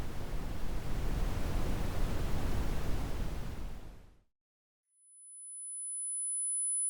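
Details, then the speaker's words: Simulated tinnitus played as an example of commonly reported tinnitus sounds: a steady whooshing rush of noise for about four seconds, then silence and a faint high tone; whooshing tinnitus. "Now I will play a series of sounds that represent the typical types of tinnitus percepts people report hearing. Ringing. Teapot whistle. Crickets. Electric ringing. The ocean. Whooshing."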